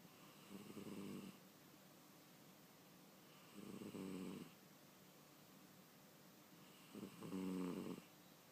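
Three soft, buzzy snores from a sleeping cat, about 18 breaths a minute, over steady room hiss.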